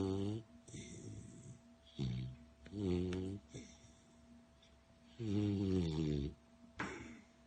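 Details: A sleeping female beagle snores in loud, low, rumbling bursts that sound strikingly human: snoring.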